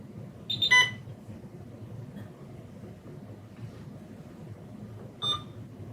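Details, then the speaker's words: Power-on chirp and a second beep a few seconds later in a quiet room as an infusion pump boots up, before being set to 200 mL/h and 20 mL for flow testing with an IPA-3100 infusion pump analyzer: start-up beeps. "and now we need to configure the infusion pump so I'm going to turn that on here and configure the pump to match the settings that we have on the infusion pump analyzer we're going to let the system boot up"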